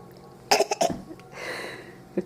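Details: A young child asking for medicine gives a few short, forced cough bursts when asked to demonstrate, a deliberate put-on cough.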